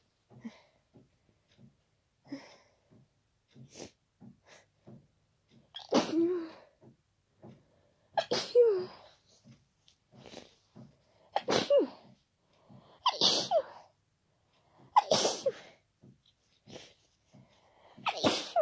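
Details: Person with an ongoing cold, very tickly nose, not stifling: about six loud, wet, forceful sneezes with quick breaths and sniffs between them in a quiet room; sneezing.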